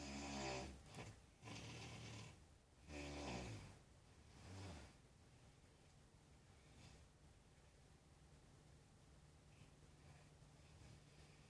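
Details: Adult woman snoring: a few low, rough snores on the in-breath fading into quiet breathing with steady room hum.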